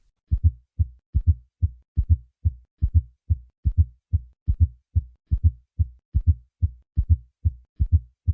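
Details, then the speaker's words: Fourth heart sound recorded at the apex: regular low heartbeat near 72 a minute with a soft extra thud just before each first sound. "Fourth heart sound. Recorded at the apex."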